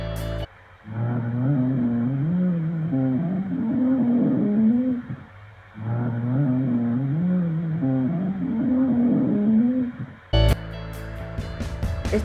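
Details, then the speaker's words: Lung auscultation: low, snoring rumbles with each breath, two full cycles heard. These are rhonchi from obstructed airflow, caused by asthma, bronchitis, emphysema or a foreign body. "ronco y sin hilera de sentidos se da por aire obstruido las causas son asma bronquitis enfisema o sustitución por cuerpo extraño"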